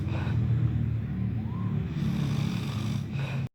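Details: Loud, continuous low rattling snore, deep and rough throughout, the kind that keeps others awake; snoring.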